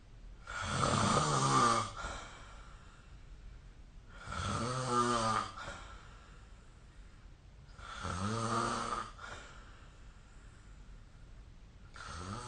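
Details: Snoring recorded with SnoreLab app during sleep: loud, regular rattling snores with each breath in, about 15 a minute, with quiet breathing out between.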